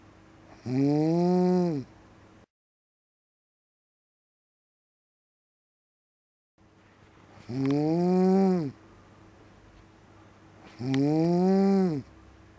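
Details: Very loud snoring: three loud, droning snores about four seconds apart, each a sustained buzzing rattle with rising then falling pitch.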